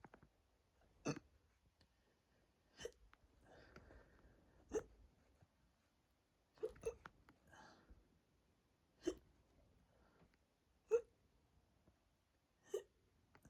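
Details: Adult who drank a large amount of water to induce hiccups, stomach very tight and full: sharp sudden hiccups about every two seconds with soft breathing between; later hurting chest and throat.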